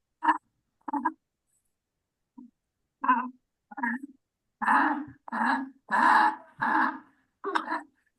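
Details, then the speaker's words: Well-grown infant lying comfortably at home, not in acute respiratory distress, with abdominal breathing and a hoarse voice; repeated harsh, voiced noises with breathing, inspiratory stridor, shown as an exam video-station case. "I could appreciate the child has U um abdominal breathing and he has is uh what it sounds like inspiratory Strider right now with heness of the voice okay"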